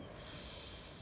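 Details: A brief, rough, low snorting breath heard as snoring, from a wife asleep at night, recorded close up. Her husband says she snores only occasionally and compares it to a tractor.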